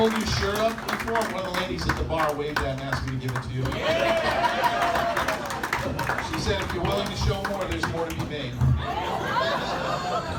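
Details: Adult male speaking into a microphone; normal speech.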